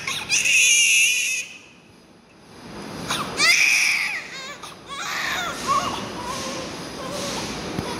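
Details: Newborn just after a difficult birth: high-pitched, wavering bursts of crying with a pause between cries and soft room noise, adult voices nearby; a normal newborn cry.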